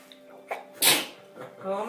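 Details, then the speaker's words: Young boy sneezing repeatedly: a single sharp, explosive sneeze, with brief speech around it. "Pobrecito, ¿qué estornadera es esa?"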